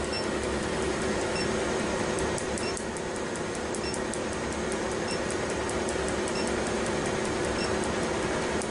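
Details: Loud steady machine hum with a rapid run of faint high ticking pulses as a tattoo removal laser fires repeatedly over a tattoo on the back, after about 20–25 minutes of numbing cream; erythema noted.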